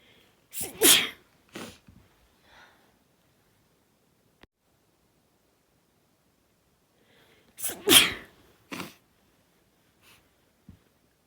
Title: Complilation of my sneezes from last week